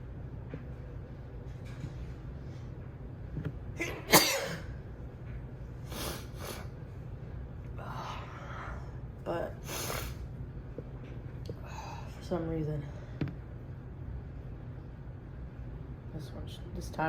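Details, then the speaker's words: Several sharp sneezes, each preceded by a quick gasping in-breath, with faint talk between them in a small room, triggered today by a lit cinnamon candle that normally causes no issue; sneezing. "This candle. Normally cinnamon candles don't bother me. But this one is."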